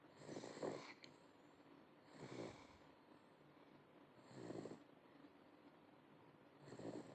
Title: Simba snoring 8 months